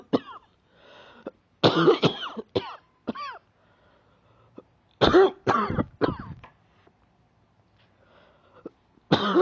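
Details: Ongoing cough, said to be getting better: repeated loud, wet-sounding, productive-sounding coughs in clusters with throat clearing between bursts, about eight coughs in all.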